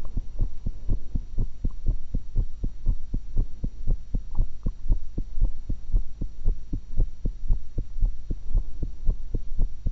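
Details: Steady low thumping heartbeat at about 115 a minute, recorded through one stethoscope while eating after an apple and a cucumber, over a constant electrical hum; normal heart sounds.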